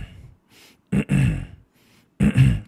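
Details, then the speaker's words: Adult imitating an 11-year-old boy's repetitive vocal tic: two short, gruff throat-clearing bursts, occurring alongside neck-jerking movements and repeated eye blinking. "ধরনের একটা গলা খুসখুসুস থেকে একটা শব্দ কিন্তু তার বারবার হতে থাকে তো তার বাড়ির লোকজন ভয় পেয়ে এখানে নিয়ে এসছেন।"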